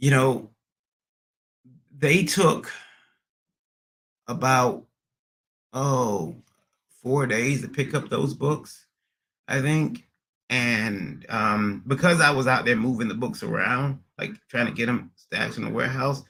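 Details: Adult man with stuttering after a recent transient ischemic attack; MRI and another scan showed a little damage; under a neurologist with physical, occupational and speech therapy; speech not fully recovered, still stutters occasionally almost a year later; acquired (neurogenic) stuttering.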